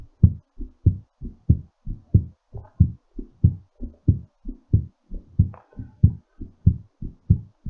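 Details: Steady, strong low thumps at about 94 per minute: a normal heartbeat, somewhat fast, recovering after exercise.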